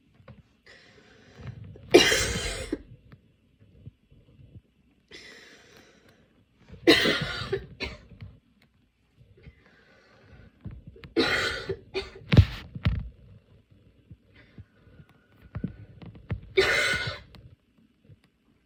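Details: Four separate harsh, wet-sounding coughs with quiet breathing between them, in a small room, from a person with a cold, runny and blocked nose. The fit came on during aroma inhalation and made the lungs painful; cough.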